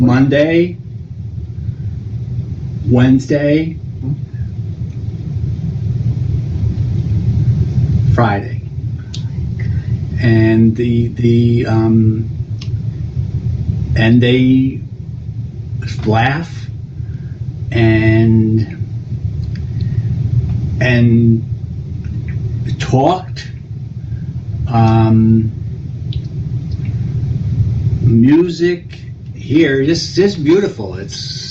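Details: Adult English-speaking man after a stroke with right arm weakness; difficulty building complex sentences, repeated mid-sentence stops and noun-finding trouble, using hand gestures to retrieve words; finding: Broca's aphasia (non-fluent aphasia).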